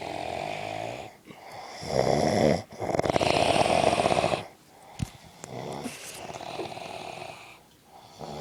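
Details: Rough, rattling sleep breaths with loud inhaled snores, uneven in strength, from an adult man (dad) sleeping in a quiet room; snoring.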